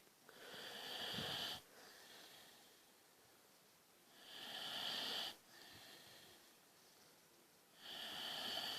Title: A very tired snoring boxer dog!